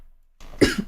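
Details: Girl giving a single short, dry cough after a brief inward breath; a dry cough that had recently been coming on, said to be much improved, amid mention of a cold.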